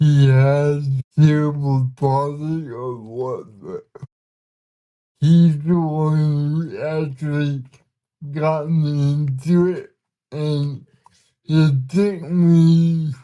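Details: Man with cerebral palsy, speaking in a real conversation; dysarthria (cerebral palsy).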